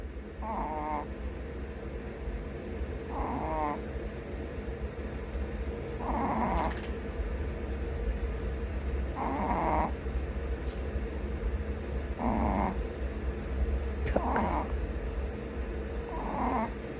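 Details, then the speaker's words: Regular snoring during sleep: a rattling snore about every three seconds, roughly 20 breaths a minute, over a steady low hum. "you're snoring."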